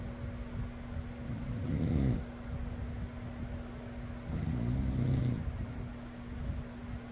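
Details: Person snoring: low, rumbling snores on two breaths over a steady fan hum; ordinary snoring.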